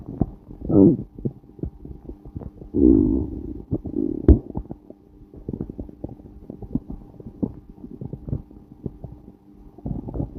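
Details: Stomach growling recorded during a period of flatulence: bowel sounds (borborygmi).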